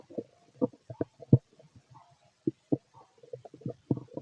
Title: Fit male stomach growling and digesting